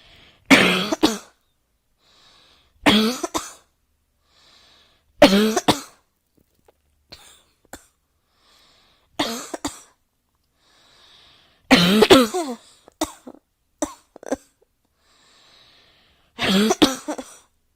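About eight separate coughs, single and paired bursts, some with a throat-clearing quality, spaced by quiet pauses in a small room.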